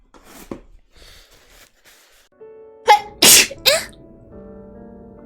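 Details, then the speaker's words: Sneezes from a streamer feeling unwell: two or three quick forceful sneezes in a row after a sharp intake, over soft background music. "Oh no, I have to sneeze. Sorry."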